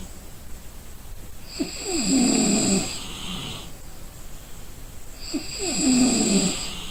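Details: Person asleep and snoring from exhaustion: two slow, rumbling snores on breaths in, each followed by a whistling breath out, about 18 breaths a minute; snoring during sleep.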